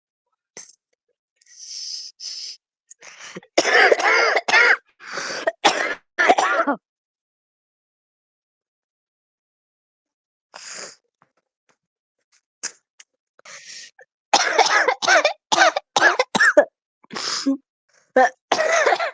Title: Smoker's Cough Compilation